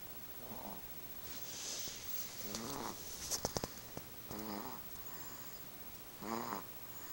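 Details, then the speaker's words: Snoring described as extra hard, like his father's: three short, buzzy snorts about every two seconds, with some clicking noises in between. "He snore like his daddy. Y'all keep me in your prayers."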